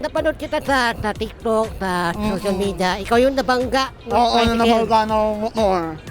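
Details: Hypernasal speech in a young man, self-described as nasal-voiced, who had palate surgery for cleft palate as a child and learned to speak late; finding: hypernasal speech (repaired cleft palate).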